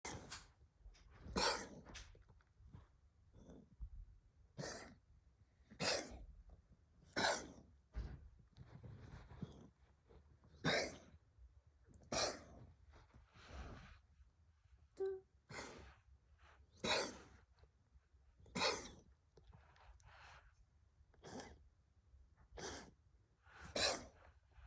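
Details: Siamese cat, 12.7 years, coughing once each evening since teeth removal a month earlier, after antibiotics and on meloxicam; owner unsure if asthma or hairball. Long run of sharp, dry, hacking coughs, about one per second.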